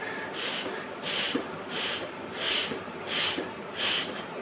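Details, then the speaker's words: Demonstration of a metered-dose inhaler with MACSPACER, two puffs pressed one at a time, each followed by breaths: repeated soft hissing bursts about every 1.5 seconds through the spacer; correct spacer use. "after taking two Puffs like this if you've taken two Puffs press it one"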